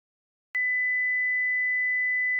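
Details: After a brief silence, a steady, clear pure tone at one fixed pitch: a simulated hearing-test tone in a workplace noise-safety training on noise-induced hearing loss.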